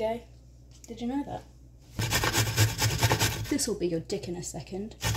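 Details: Vocal tics with coprolalia in a female with Tourette syndrome, with obscene out-of-context phrases interjected while cooking.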